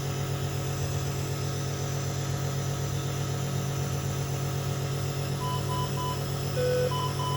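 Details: NICU baby with Down syndrome, admitted for wheezing, chest congestion and respiratory distress, receiving nebulizer therapy and oxygen: steady low hum of a running nebulizer compressor, with brief electronic monitor beeps near the end.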